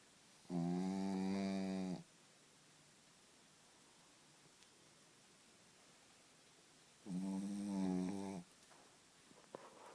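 Two long, loud, buzzing humming tones with long quiet gaps between them, a dog snoring in its sleep.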